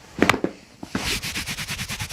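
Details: Chiropractic back adjustment on a model with a tight spine: a quick cluster of sharp pops, then softer rhythmic sounds, audible spinal joint cavitation.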